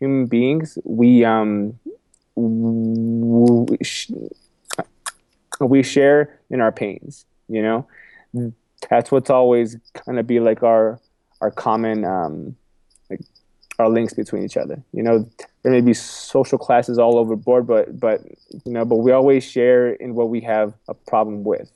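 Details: Adult man with a self-described stuttering problem, which he has accepted and spoken about publicly; stuttering.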